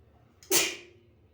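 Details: A person allergic to dogs hides in a bathroom with a sneezing fit that began within 10 minutes of arriving where dogs live; a single sharp, hissing burst of air in a small room. Sneeze.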